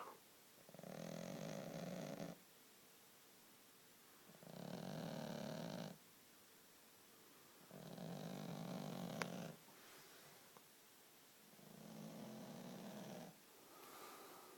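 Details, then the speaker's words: Sleeping female pet cat that regularly snores heavily: loud, regular snoring, four drawn-out noisy breaths about every 3.5 seconds, roughly 17 breaths a minute, in a quiet room. "This is my pussycat snoring. Bloody"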